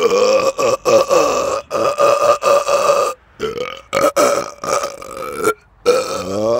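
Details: Adult's several long, loud, drawn-out belches with brief pauses, after eating too much fast food and drinking many carbonated drinks days earlier, recorded outdoors in the dark; burping.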